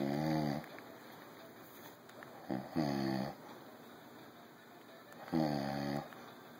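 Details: Snoring from a father (adult male): three loud, buzzing, tonal snores at regular intervals of about 2.7 seconds, roughly 22 per minute, with quiet room noise between them.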